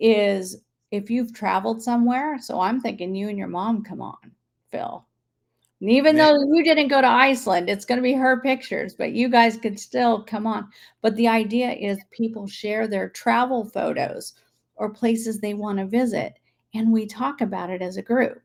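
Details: Adult woman speaking; normal speech.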